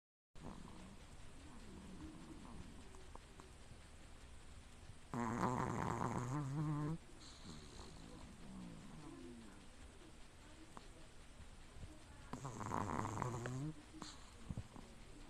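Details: Pomeranian dog snoring while sleeping, owner says it snores every day during sleep; two loud rattling, buzzy breaths about seven seconds apart over quiet room noise.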